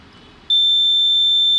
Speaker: whenever uh this ardino is taking values from this device then a buzer is also coming that means buzzer indicates that I'm taking these values